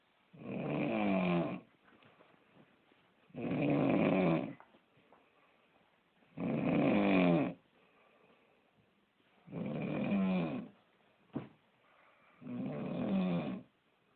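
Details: Loud, regular rattling snores on each inward breath, about 20 per minute, with quiet pauses between; snoring.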